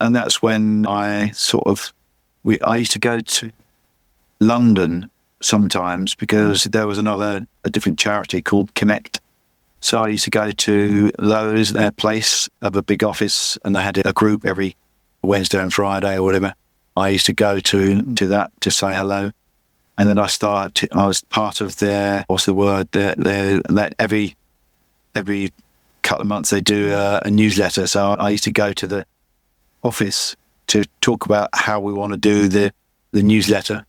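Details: Adult male with chronic aphasia after a massive stroke about 11 years earlier; still unable to read or write, and he says his speech is not great; repetitions heard; aphasia.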